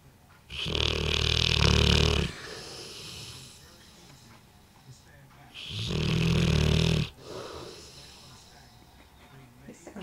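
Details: Two long, loud, rumbling snores a few seconds apart with quiet breathing between, from a 2-year-old Bullmastiff asleep after a large Christmas turkey meal; dog snoring.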